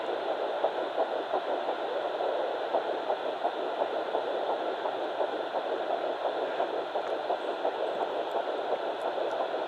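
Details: Fast, rhythmic whooshing pulses at about 170 a minute over steady Doppler hiss: fetal heartbeat of Baby A at 9 weeks 6 days on a fetal Doppler, found on the mother's left side after days of searching.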